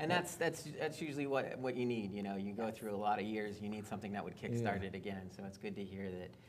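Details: Adult man speaking; typical speech.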